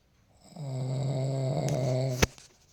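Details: Husband snoring: a single long, steady, low droning snore on breathing in, ending in a sharp click.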